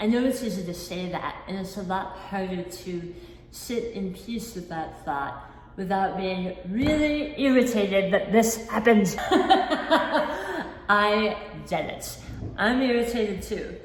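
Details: Adult woman, not born with a speech impediment, with a lisp-like articulation defect since a 2018 hemiglossectomy for oral cancer; about 50% of the tongue was replaced by a flap tethered to the cheek; articulation disorder after partial tongue removal.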